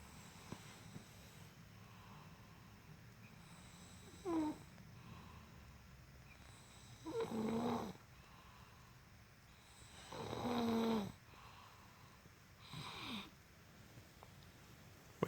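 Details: Young boy (school age) asleep, snoring like an adult: four rough snoring breaths in about 15 seconds, some with a rising whistle-like tone, in a quiet room.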